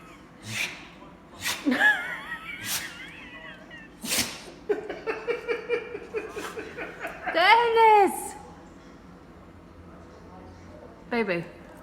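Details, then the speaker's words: Dog that got into insulation: repeated short, sharp sneezes with snorting between them and a woman's soothing talk; sneezing after inhaling irritant insulation dust. "That's why you don't get in the insulation. So that's the hanging. Makes you sneeze."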